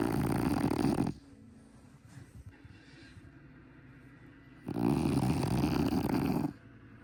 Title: Happy Fluffy Frenchie snoring #fluffyfrenchbulldog #longhairfrenchie #fluffyfrenchy #funny #bulldog